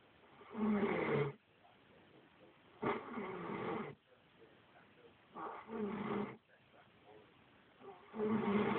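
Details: Adult woman snoring heavily: loud, harsh rumbling snores on each breath, about one every two and a half seconds, with quiet pauses between.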